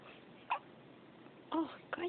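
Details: Baby with hiccups: three short, abrupt catches over two seconds against quiet room noise; hiccups.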